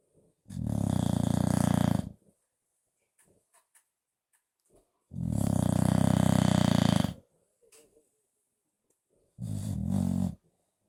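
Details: Bulldog napping on the owner's lap: three loud, rough, rattling snores with quiet pauses between, about every four to five seconds. Snoring.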